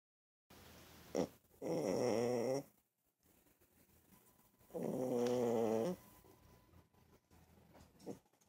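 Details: 6-year-old blind rescue Chihuahua, Mocha, snoring asleep on a couch: two drawn-out, buzzing snores with a whining edge and quiet breathing between them.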